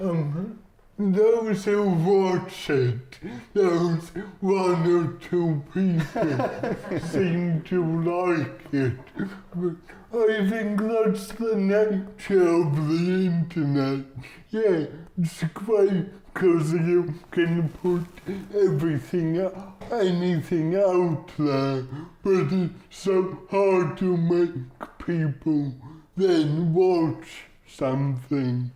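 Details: Adult male comedian with cerebral palsy; dysarthria (cerebral palsy).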